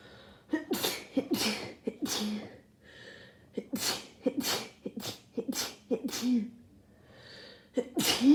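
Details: A rapid run of about ten sharp, explosive sneezes with short gasping in-breaths between them, from a person with a cold after a cold snap who could not stop sneezing.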